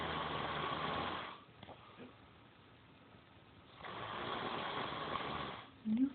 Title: Snoring loud af!